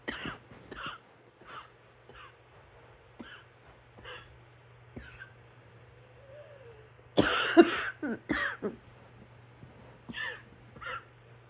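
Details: Repeated short, dry coughs at irregular intervals, with a louder, harsher cluster of coughs partway through.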